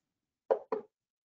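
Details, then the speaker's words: Repetitive nerve stimulation testing after brief patient exercise, volume turned down: two brief sharp clicks in quick succession, the shock artifact of the stimulus train, during a technique demonstration. "and then we turn down the volume because it'll be loud we're gonna do five four"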